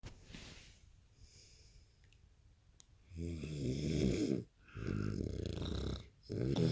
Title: loud snoring